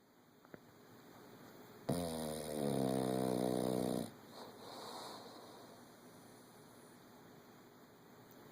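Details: English Bulldog napping: a single loud, buzzing, vibrating snore lasting about two seconds, then quieter breathing.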